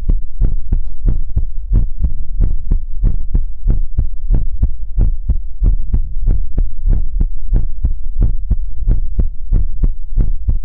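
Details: Heartbeat in an ASMR recording that also features whispers, helicopter and mouth sounds: loud, continuous deep thumping with a steady throb and low hum underneath, heard close up.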